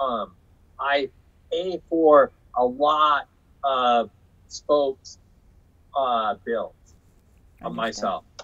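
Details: Aphasia in an adult man after a 2005 stroke caused by hereditary hemorrhagic telangiectasia (HHT); he says he had or still has aphasia and was told he would never talk again.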